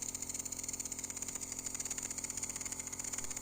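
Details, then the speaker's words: Home nebulizer compressor after years of use running with medicine loaded but producing no mist, fault at the nozzle joint: steady buzzing hum of the compressor motor. "ఇక్కడ ఇప్పుడు మనం చూసేది ఏంటంటే smoke రావట్లేదండి. మనకి on చేసి ఉన్నా కూడా, దానిలో మెడిసిన్ ఉన్నా కూడా స్మోక్ అనేది రావట్లేదు."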